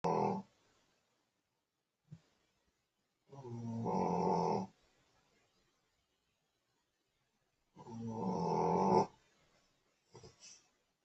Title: Lilly snoring joys of pekeniese #dogshorts #funnyanimals